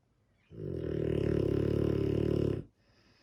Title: Dogue de Bordeaux - sleeping beauty. Snoring too.